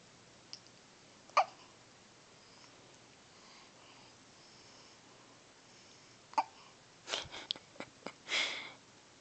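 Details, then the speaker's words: Infant with persistent hiccups despite attempts to stop them, also sneezing that day; sharp brief breath catches a few seconds apart in a quiet room. Hiccups. "hiccups a how did Mama help a hiccups they we tried everything they just still there sad face he super cute though"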